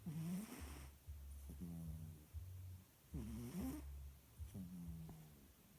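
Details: Female cat snoring while asleep: soft, rhythmic, low rumbling breaths with a purr-like flutter on each cycle, about three breaths in six seconds.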